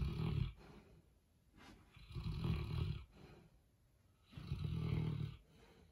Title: My dog snores louder than your dad